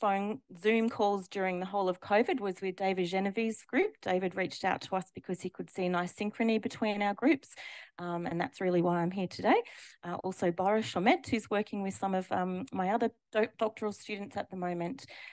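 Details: Adult woman speaking; typical adult speech.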